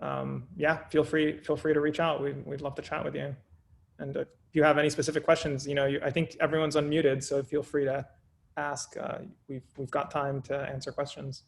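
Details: Adult male speaker; no disorder.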